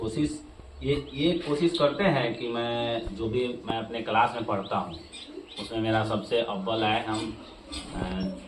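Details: Mild stuttering in a schoolboy preparing a Hindi Independence Day speech; his teacher says he stutters a little and may outgrow it as he gets older.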